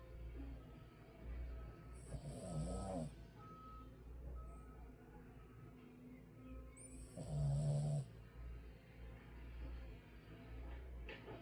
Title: She snores so loud🐶🎀 #trending #2025 #dog #cute #adorable #puppy #love #doglife #sweet #snoring